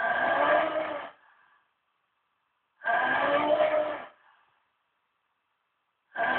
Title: Worst Snoring Ever (no kidding)